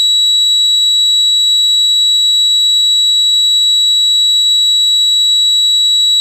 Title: Sound Effects: Tinnitus 300